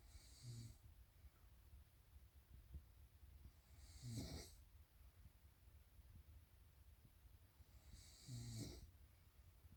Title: Can anyone sleep with these snoring sounds???